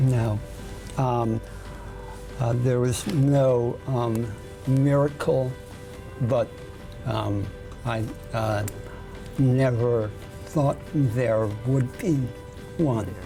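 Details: 55-year-old male radio correspondent with segmental dystonia of the voice box and probably the tongue and lips, about 2.5 years after voice loss; tongue thrusts when speaking; holds a marker between his teeth to control his tongue; spasmodic dysphonia with lingual dystonia.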